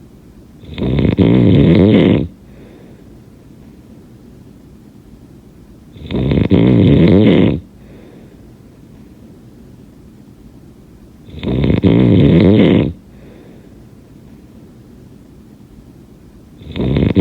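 Loud, rough rattling on each breath in, about 11 a minute, with quiet breathing between; heavy snoring.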